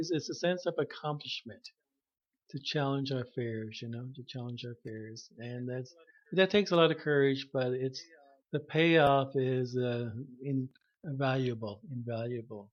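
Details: Stuttering in an adult man, self-diagnosed, who had severe stuttering when he began speech therapy at about age 21.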